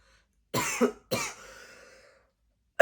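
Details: Adult with a sore throat from straining to do a character voice gives two short, dry coughs in quick succession, the second trailing into a faint rasp.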